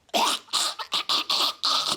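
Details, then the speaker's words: Person imitating a dog's kennel cough: harsh, honking, gagging cough that sounds like choking, often mistaken by owners for choking. "cough. That sounds like they're choking. So I've had a lot of people stick their hands down their dog's throats when the dog has kennel cough."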